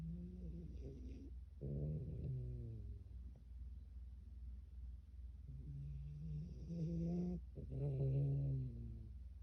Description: This is a video of our Newfoundland puppy snoring.